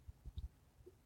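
Faint, low gurgling bursts in a quiet room, a few brief rumbles within a second: ordinary stomach growling (borborygmi).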